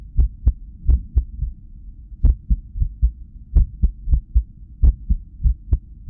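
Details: Cardiac ultrasound with sound, recorded at rest during arrhythmia brought on by lack of sleep: pulsing heartbeat whooshes over a low hum, unevenly spaced with a noticeably long gap, an irregular rhythm.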